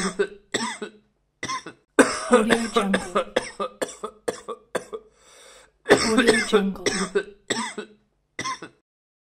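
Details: An adult man gives an acted series of harsh, throaty coughs, both single and in rapid runs, with a brief breath between bouts: coughing.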